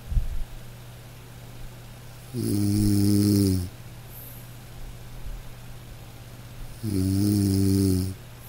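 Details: A man snoring in deep sleep: two long, low, rattling snores on the in-breath with quiet pauses between, over steady room hum.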